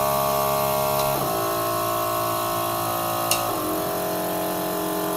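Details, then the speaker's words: Portable suction unit for oral airway suctioning being switched on and set to about 300–350 mmHg: a steady motor hum whose pitch drops and shifts as suction is turned up. "can hear the change in the amount of suction that we have and we can see that it lights up where we want it"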